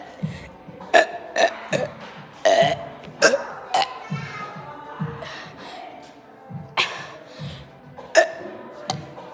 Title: y’all wanna see my burping video ￼